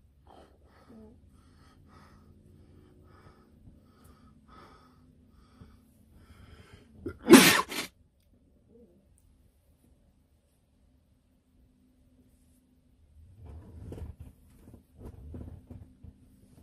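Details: An adult gives a single forceful sneeze out of a quiet room, with soft rustling and low sounds afterward.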